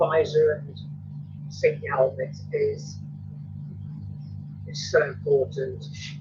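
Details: Adult male with Tourette syndrome, tics quite bad that day by his account; frequent snorting and throat-clearing tics while talking; vocal tics (Tourette syndrome).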